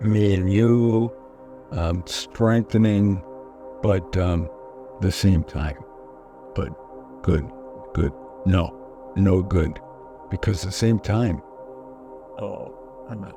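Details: Person with aphasia after a stroke, in recovery with physical therapy; non-fluent aphasia.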